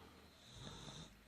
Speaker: so if you can hear snoring the dogs are asleep